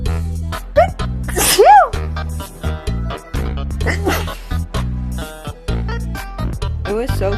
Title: sexy sneeze